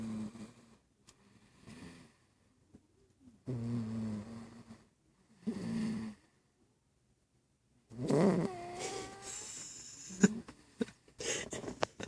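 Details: Baby snoring while asleep: repeated low, rough snoring breaths with snorting about every two seconds in a quiet room, with some handling noise near the end.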